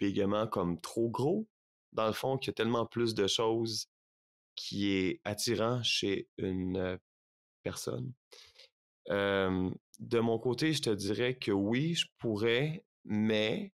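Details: Stuttering in an adult man in his thirties, a French speaker, real speech.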